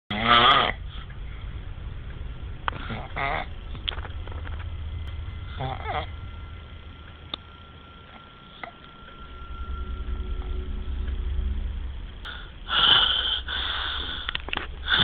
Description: Snoring can be funny, but snoring can be deadly too.